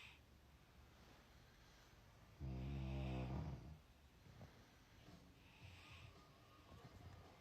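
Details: Husband snoring, described as lasting two hours: a single loud, low, rattling snore on breathing in, followed by quieter breathing noises; typical snoring.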